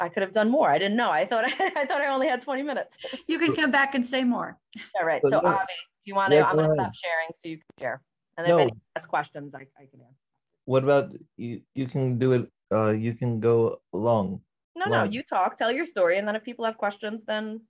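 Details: Adult woman speaking, with a second voice briefly joining; normal speech.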